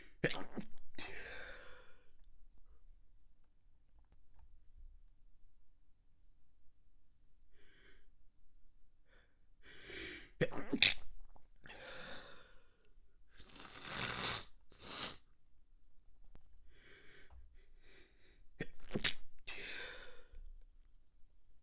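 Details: Extremely wet stifled sneeze fit in a quiet room: a run of muffled, wet, held-back sneezes, each preceded by catching breaths, suppressed to keep quiet as the tickle grows stronger.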